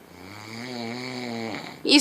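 A single drawn-out, buzzing inhaled snore lasting about a second and a half, followed by a brief noise.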